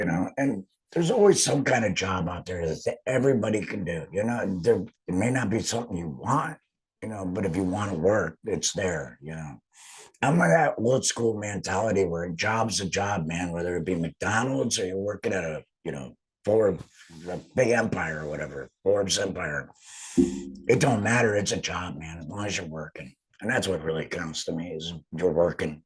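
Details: Adult male, total laryngectomy about two and a half years earlier for cancer treated with chemotherapy and radiation, uses an HME; alaryngeal esophageal voice; stoma hurts after heavy talking; alaryngeal speech after total laryngectomy (esophageal voice)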